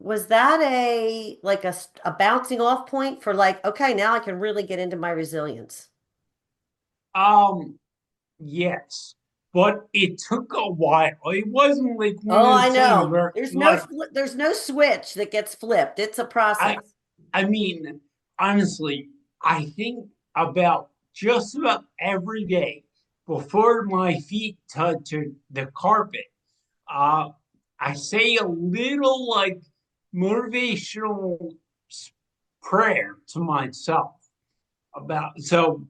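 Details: 45-year-old man with cerebral atrophy and ataxia, a degenerative brain disease diagnosed in 2013 (also given as 2014) affecting movement, balance and speech; speech changes began around 2020 as it progressed; ataxic dysarthria.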